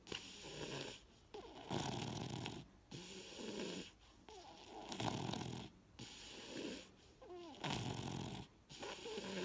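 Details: Sleeping toddler with sleep apnea: loud, rough snoring at about 20 breaths a minute; obstructive sleep apnea snoring.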